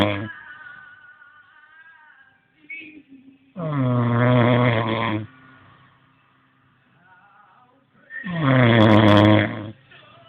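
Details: Loud, rattling snores on breathing in, about 13 a minute, with quiet exhalations between: snoring.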